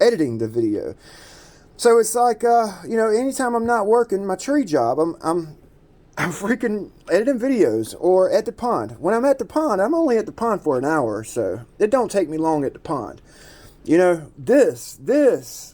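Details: Adult man who self-reports that he stutters and repeats himself a lot; stuttering.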